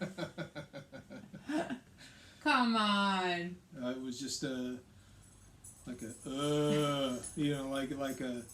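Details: Woman with aphasia affecting speech, reading and writing, plus right-sided hemiparesis, after a hemorrhagic stroke on May 19, 2020 treated with brain surgery and ICU care; aphasia.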